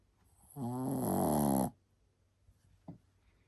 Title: 시츄 강아지 코고는 소리에 웃음터진 가족들‼️🐶😪👩🏻👦🏻😂🤣 ㅋㅋ Shih Tzu dog snoring